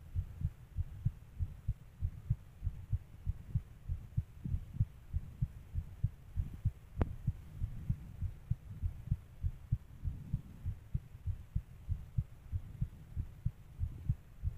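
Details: Fast heartbeat: steady, low thumping at roughly 95–100 beats a minute, with a faint hum behind it.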